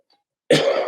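After a moment of silence, one sudden explosive burst of air through the nose and mouth. A single sneeze.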